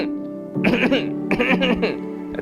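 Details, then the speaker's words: Two quick clusters of short, dry, hacking coughs over background music, presented as the tickling cough associated with the homeopathic remedy Rumex. "I shared with you the tickling cuff of rumx."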